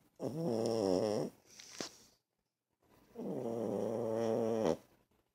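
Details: Six-year-old blind rescue Chihuahua asleep on a couch: two long, buzzy, rattling snoring breaths with a short quiet pause between them.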